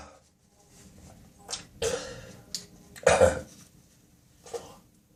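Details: Adult's early-morning coughing spasm in a small echoing bathroom: two harsh, wet coughs with short throat-clearing and spitting noises; productive cough with throat clearing, nose blowing also reported.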